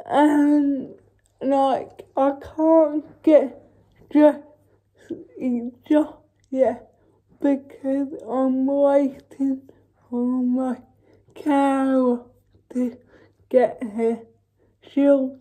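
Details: Dysarthric speech in a female speaker with cerebral palsy, real everyday vlog speech.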